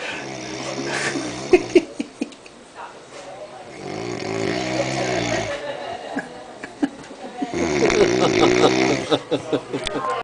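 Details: Sleeping man snoring: loud, rough, rattling snores, with clicks and rustling in the room.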